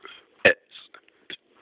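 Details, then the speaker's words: Person deliberately burping the alphabet, letters shaped by belches: one loud, throaty burp-voiced sound amid quieter short bursts; burping after eating Hot Pockets. "okay well I'm going birth the ABCs while you guys look at cows oh man I can't believe I'm doing this"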